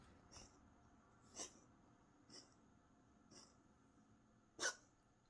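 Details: A cat with vet-confirmed early feline asthma gives five short, dry hacking coughs about a second apart, easily mistaken for vomiting or hairballs; feline asthma cough.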